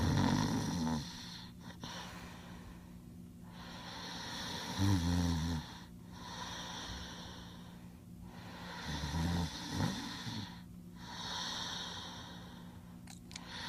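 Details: Max asleep, snoring soundly on a recording labeled voice over: slow rhythmic breaths, about 15 a minute, with low rough snorting on several inhalations; snoring during sleep.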